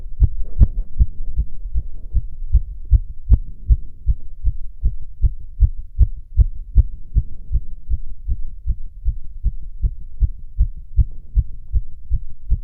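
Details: Self-auscultation standing (orthostatic) and sitting: rapid regular heartbeat about 150 a minute, crisp clean beats with nothing extra between; tachycardia with otherwise normal heart sounds.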